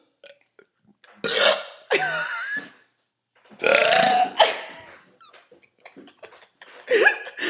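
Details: Deliberate burping during a break from homework and essays: four loud, drawn-out belches in quick succession with faint voices between them; ordinary burping.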